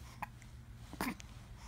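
Two brief, abrupt catches against quiet room noise: hiccups.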